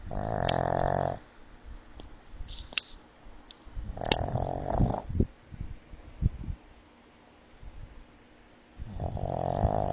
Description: Stewie The Snoring Pug...with sleep apnea.